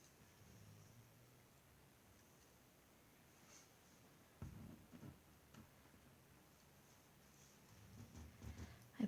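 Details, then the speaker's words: Pet dog (female) snoring while sleeping in the background: faint low rumbling bursts recur every few seconds, in time with slow sleep breathing. "apologize if you can hear any snoring in the background my uh my dog is having a snooze and she she likes to snore"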